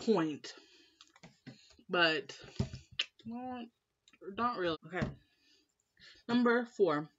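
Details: Woman who has stuttered all her life since starting school, always in speech class; blocks when stressed; uncle and mother also stutter; stuttering.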